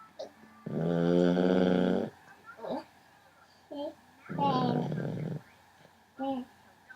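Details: 11-week-old puppy snoring in the dark at 4am: two loud, buzzing snore breaths a few seconds apart, with soft squeaky noises and quiet voices between them.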